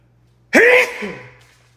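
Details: Single loud voiced sneeze from a male, a sharp burst fading over about a second; ordinary sneeze.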